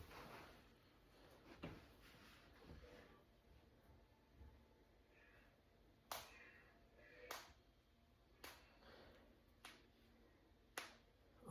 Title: Cracking my fingers and knuckles. #cracking #crackingasmr #knucklecracking #jointcracking